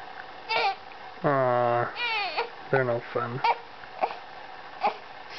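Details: Infant who often gets hiccups, with short fussy cries and whimpers and brief catches between them; parent notes she may be hungry; infant cry.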